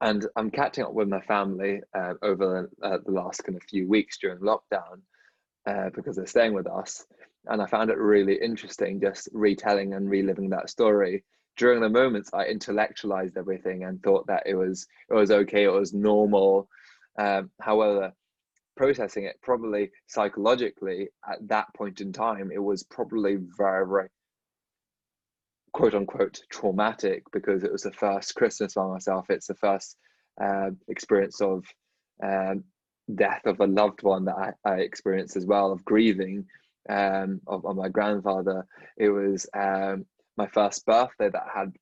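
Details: Adult dentist who stutters, speaking in a podcast conversation with another dentist who stutters; stuttering.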